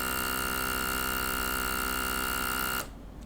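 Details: Steady electric motor whine with a low buzzing hum from a GLOWY NA-A001 electric nasal aspirator for babies being demonstrated, which then switches off.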